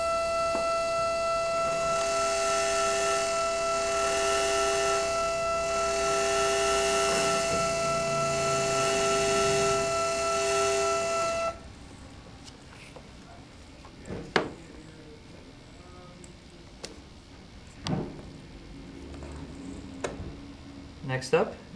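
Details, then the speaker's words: Steady high-pitched whine of a W&H implant motor driving a 2 mm drill with a depth stopper for about eleven seconds, preparing an MIS 7 implant osteotomy (11.5 × 3.75 mm) on a training model, then room noise and clicks. "I'm going to be using the drill stopper kit which allows me to control the depth of the drill so that I will not drill too deeply"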